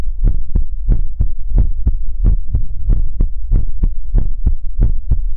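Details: ASMR livestream heartbeat sound for relaxation: loud, deep paired thumps repeating steadily at about 80 beats a minute; heartbeat.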